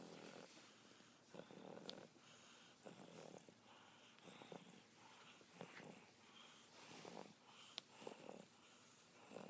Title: Fat chi snoring